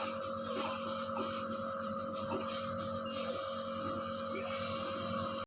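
Steady mechanical hum and buzz of a running nebulizer compressor in a small room; routine inhalation treatment for a child's cough and cold.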